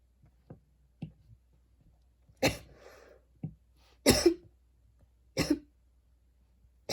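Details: Coughing while studying, recorded a week earlier and described as a really bad cough: three loud, harsh single cough bursts with softer throat sounds between, in a quiet room.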